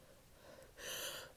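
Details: Female sneezing: a quiet inward breath followed by a sharp, hissing burst of air. A single sneeze.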